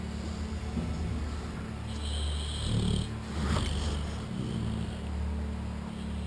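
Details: Steady, low, rumbling snoring over several breaths from a sleeping American Bulldog, with faint background hum; snoring.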